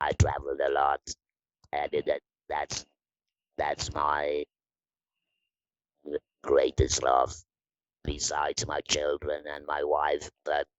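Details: Electrolarynx speech from an adult woman after laryngectomy surgery, using the Inspiration electrolarynx device; electrolarynx speech after laryngectomy.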